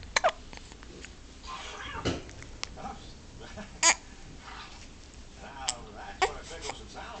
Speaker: You got the hiccups sleeping. Aww.